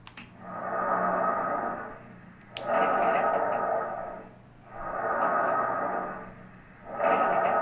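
Soft, rushing breath sounds in repeated cycles, about 29 a minute, with a faint background hum: normal bronchovesicular breath sounds.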